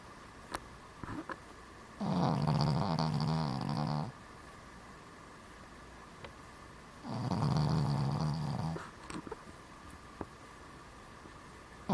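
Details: Cavalier King Charles Spaniel dog snoring while asleep: two low, rattling snores about five seconds apart with quiet pauses between, over steady room hum.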